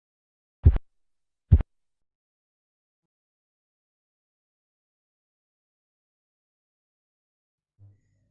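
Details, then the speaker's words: Korotkoff sounds phase 5: silence as cuff pressure falls below diastolic blood pressure, marking the point where diastolic pressure is reached during blood pressure measurement. "fase kelima yaitu suara kelima korotkoff adalah suara diam sejalan dengan tekanan manset yang turun di bawah tekanan darah diastolik"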